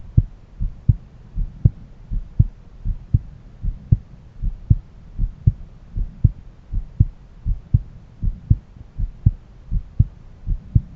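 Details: Own heart auscultated with a stethoscope: steady lub-dub at about 80 beats a minute, a sharper first sound followed by a softer second.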